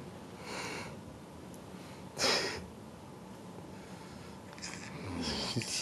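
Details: Female (species not stated) passed out after eating too many cannabis brownies: raspy, snorting sleep breaths with one louder snort, with room noise. Light snoring.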